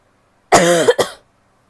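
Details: Woman coughing: a single voiced cough with a brief second burst in a quiet room; plain cough.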